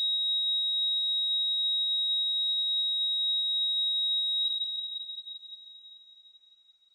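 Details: A steady high-pitched continuous tone that fades away, a hospital heart monitor sound effect.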